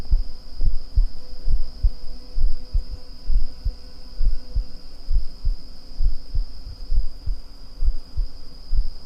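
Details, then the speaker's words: An adult's heartbeat recorded for ASMR: steady, regular soft low thumps at about 66 beats a minute, with a high cricket drone behind. "Heartbeats. Can you hear my heartbeat? Can you hear my lungs?"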